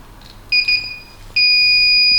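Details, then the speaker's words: Loud, steady high-pitched electronic buzzing, briefly broken then sustained, from a hospital ward call buzzer pressed by an injured adult male inpatient to time how fast staff respond. "press the buzzer here in seconds if i press this buzzer now watch this i'll have a bit of fun"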